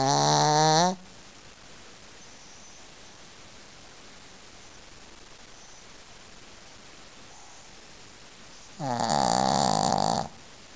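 Two loud rasping snores about nine seconds apart, with quiet breathing between them. A sleeping dog is snoring.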